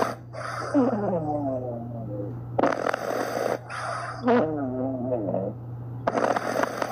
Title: snoring puppies | loud snoring puppies | sleeping soundly | #shorts #snoring #puppy #cute